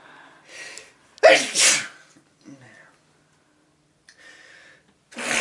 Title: Sneeze11